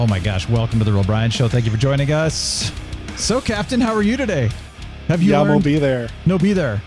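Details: Adult male speaker; normal voice.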